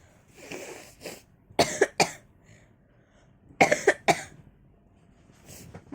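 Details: Two bouts of three sharp coughs with audible breaths in a quiet room, from a person with a cough and runny nose who can still taste food and doubts it is COVID.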